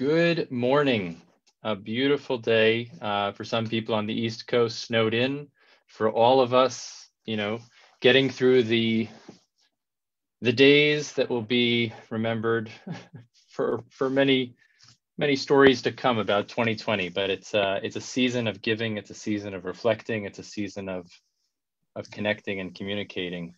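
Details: Adult male speaker; normal speech.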